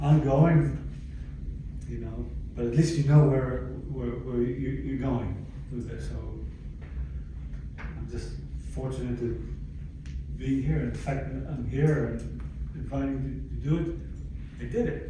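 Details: Adult stroke survivor with aphasia from a stroke about 11 years earlier, speaking in a chronic post-stroke recovery phase; finding: aphasia.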